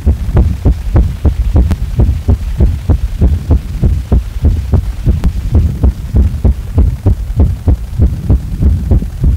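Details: Heart sounds described as a heart under strain after a hard day: regular deep thumps at about 98 beats a minute, slightly fast, with a low steady hum underneath; rapid heartbeat.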